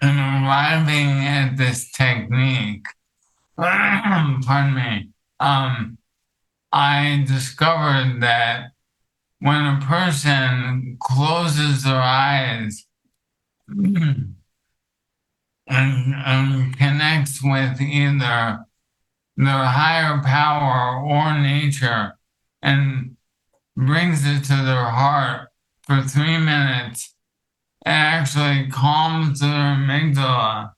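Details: Adult male with ALS that affects his vocal cords, making it hard to talk for long periods and reducing his ability to speak clearly; dysarthria (ALS)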